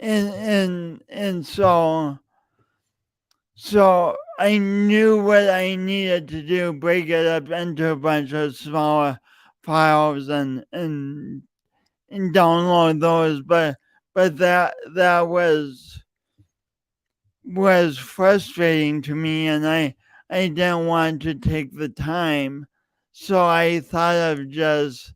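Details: Adult male podcast host with a speech impediment since junior high and high school, still present and audible every time he speaks, denied for years; stuttering with word repetitions.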